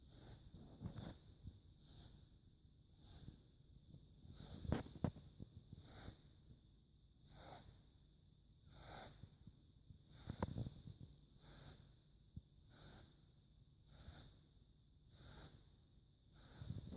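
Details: 4-month-old male kitten, acting completely normal but snoring a lot, asleep with regular soft snorting breaths and a faint whistle at about 50 a minute; snoring.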